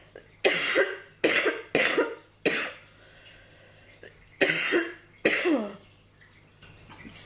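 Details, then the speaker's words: Adult woman with asthma, not covid-19, during the covid-19 pandemic: six harsh, dry coughs in quick clusters over about six seconds; asthma coughing fit. "i am someone who has um trouble with my lungs that there's nothing quite like a pandemic where the virus manifests as a cough to really make me hyper aware of my breathing"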